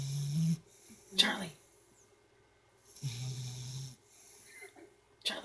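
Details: Sleeping female pit bull puppy snoring: two low rattling snores separated by quieter breathing and a brief snort.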